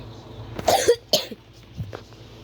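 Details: Two harsh, explosive cough bursts in quick succession, then a softer throat sound over faint room hum, during a casual recording: cough.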